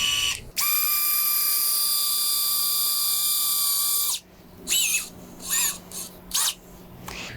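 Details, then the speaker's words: Powered surgical drill with quick-connect bit drilling bicortical pin, perpendicular, centered, into proximal tibia for hexapod circular fixator correcting Blount tibia vara, demonstrated on bone model: steady high-pitched motor whine, then short bursts. "now i'll take my drill bit load it up on the quick connect and i'll have my assistant hold the bone like that"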